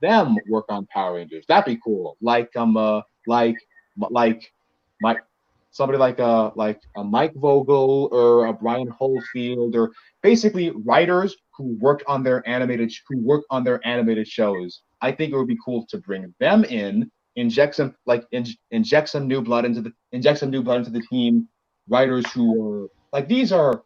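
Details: Male podcast co-host who reports having a bit of a speech impediment, type not specified; speech disfluency with word and phrase repetitions.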